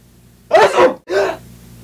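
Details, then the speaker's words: During a sneezing fit after dandelion seeds got in the nose, someone says they have to sneeze again, then a single loud, explosive sneeze with a sharp two-part burst of breath. "wait hold on I think I have to sneeze again oh dude"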